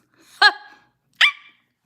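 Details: Girl with Tourette syndrome during a livestream: two short, high-pitched bark-like yelps about a second apart; her barking vocal tics are always high-pitched, never deep.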